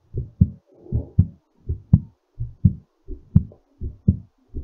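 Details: Strong, regular paired low thumps at about 83 beats a minute, settling during recovery; normal heartbeat after exercise.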